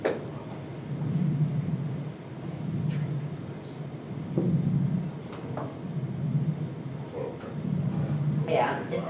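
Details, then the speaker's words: Pleural friction rub, described as usually occurring after pneumonia: repeated low, rough, creaking sounds rising and falling with breathing over faint room noise. "ead and pick out here we see a pleural rug happen usually after somebody has pneumonia"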